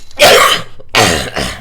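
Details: Streamer coughing during a live stream: two loud, harsh throat-clearing coughs in quick succession, with faint room noise between them.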